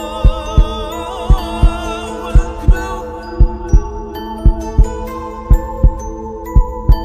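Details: Steady, regular paired lub-dub heartbeats at about 57 a minute with soft music in the background.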